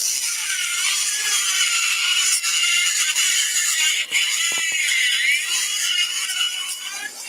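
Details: Continuous high whine with brief pauses of a surgical drill grinding temporal bone during a live cadaver dissection demonstration; surgical bone drilling.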